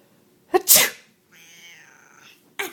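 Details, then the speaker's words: One sharp adult sneeze with a quick intake before it, followed by a brief cry from the pet Sebastian, who dislikes sneezes. "Sebastian I'm really Sneezy today I can't help it can I sneeze but I have a sneeze coming"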